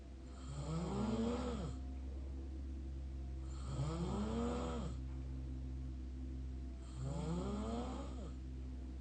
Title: mouth snore pt 5